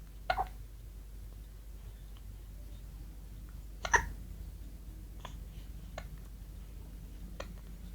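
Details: Baby boy's short, sharp hiccups in a quiet room, two clear ones followed by a few fainter catches; infant hiccups.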